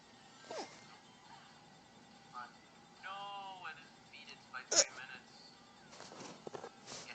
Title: I got the HICCUPS!!!!!!!